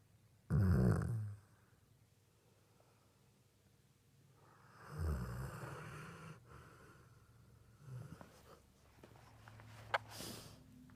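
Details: Sleeping golden retriever snoring: two deep, rumbling snores with a snort-like burst, then quieter breathing and small movement sounds.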